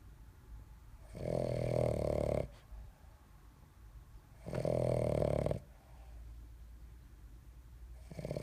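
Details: Two long, buzzing, fluttering snores on the in-breath separated by quieter breathing, a third beginning; snoring.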